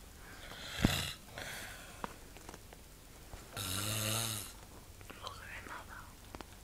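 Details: Father snoring in the middle of the night: rough, buzzing snore on a breath among soft breathing noises in a quiet room.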